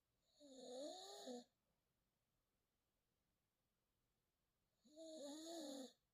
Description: Shadow snores loud trying to sleep #pitpuppy #bulldog #dogsofyoutube